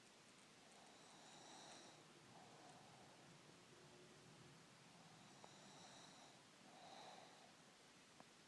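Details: Person snoring: soft, airy snores with breathing noise, several in eight seconds, under a steady room hiss.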